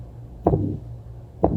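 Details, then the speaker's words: Heart sounds at about 60 a minute, each trailed by a harsh crescendo-decrescendo systolic murmur with no audible valve closure sound: severe aortic stenosis with absent S2, played in a cardiology lecture. "But a lot of times you can't hear the valve close. When it gets so stenotic, you can't hear it close."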